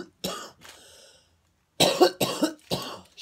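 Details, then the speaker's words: A short throat-clearing cough, a pause, then three harsh coughs in quick succession from an adult vlogger talking on camera, who warned that the coughing would be left unedited. "shoot okay uh boy that took a minute to get there that cough"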